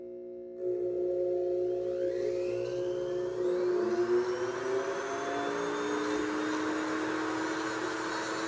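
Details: Surgical handpiece (266AMC) cutting the crown of tooth #17, a typodont molar horizontally embedded in gypsum bone under VPS mucosa, in a simulated full bony extraction; steady motor whine with rising pitch and grinding.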